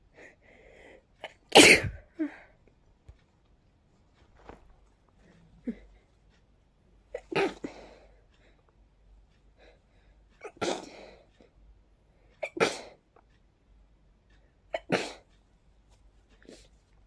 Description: I've sneezes sooo fast I could barely catch my breath! Pollen can be so harsh sometimes, wow...